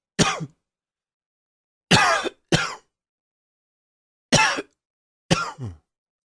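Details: Adult with seasonal allergies during blooming season gives five separate harsh, dry cough bursts, spaced irregularly with silence between.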